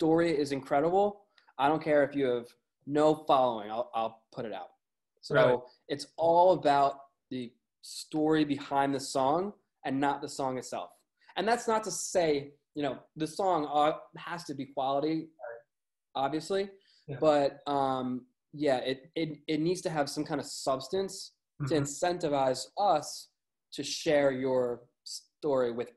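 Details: Man with a lifelong stutter, with word and phrase repetitions: stuttering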